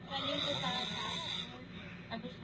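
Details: Loud snoring from a police officer, very sleepy after a 24-hour shift, recorded by his wife: one long, loud, fluttering snore on the in-breath ending in a brief snort.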